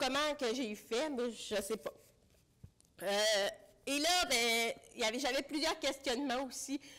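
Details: Deaf speech in French from an adult woman with congenital bilateral severe-to-profound hearing loss; she used a hearing aid for about thirty years, recently finished cochlear implant rehabilitation, and relies on lip reading.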